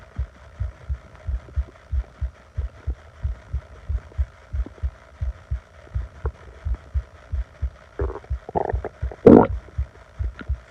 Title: Upset Stomach growling